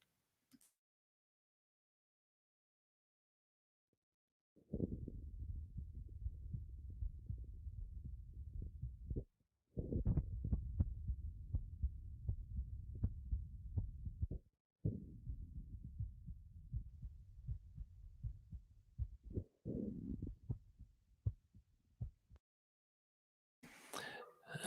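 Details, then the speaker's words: Faint, low heartbeat at about 80 a minute, heard through a digital stethoscope in a telemedicine demonstration, with a steady rumble and handling noise underneath. "if you were listening here you could hear the the heartbeat uh uh through there it was it was a little bit low there"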